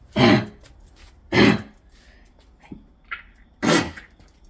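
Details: Three harsh, forceful coughs from a dog, with small throat noises between them.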